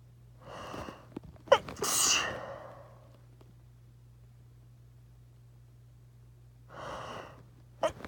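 A quick indrawn breath builds into one forceful sneeze, followed later by another breath and a sharp short sneeze; two sneezes.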